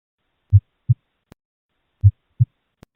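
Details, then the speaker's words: Two low thuds per beat, lub then dub, at about 40 a minute: normal first heart sound from mitral and tricuspid closure and second from aortic and pulmonic closure. "The closing of the bicuspid and tricuspid valves produces the first sound, and the second heart sound is produced from the closing of the pulmonic and aortic valves."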